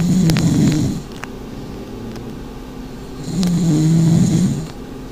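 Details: Pug in a snoring contest, asleep: two long, loud, low, vibrating, rattling snores over noisy background; dog snoring.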